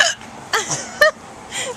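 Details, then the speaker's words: Woman who has had hiccups for about 20 minutes: three brief, sharp, squeaky catches of breath less than a second apart with quiet room noise between; recorded on a Flip Video camcorder. "okay so nothing to do with what we're looking at but i wanted to uh just record hiccups for a second she's had them for about 20 minutes"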